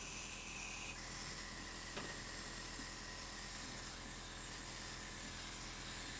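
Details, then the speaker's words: Omron nebulizer compressor running: steady motor hum with high hiss as it converts medicine into mist for inhalation through nose or mouth. "you see that this nebulizer is converting the medicine into mist form."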